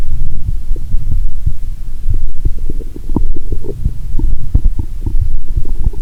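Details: Stethoscope near the navel of a person lying down after drinking cola with swallowed Mentos: deep steady rumble with irregular short gurgles and pops, a loud moan about every 2–3 seconds; active bowel sounds.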